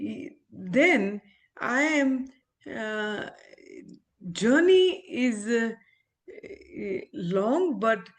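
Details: Adult woman, an ophthalmologist, with aphasia after a stroke; she is recovering her speech with speech-language therapy and communication still hinders her; aphasia after stroke.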